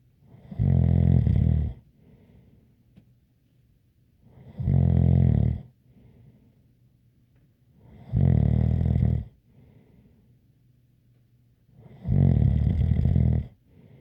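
Loud, deep, rattling snores on each breath in, about 15 a minute, with quiet breaths out between; heavy snoring.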